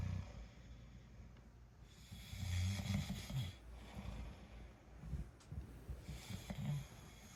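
Low rumbling snoring noises that rise and fall with breathing, uneven in strength, over quiet room noise.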